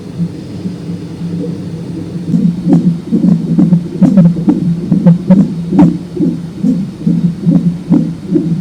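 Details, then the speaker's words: Fetal heart rate heard on a Doppler ultrasound monitor, with gel on the belly and an elastic band, during a non-stress test late in pregnancy. "So, they put a little ultrasound gel on your belly and they find baby's heart rate."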